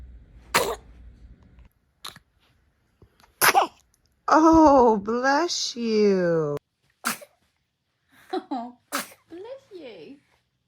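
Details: Baby: several sharp, explosive sneezes with cooing and fussy sounds between them; infant sneezing.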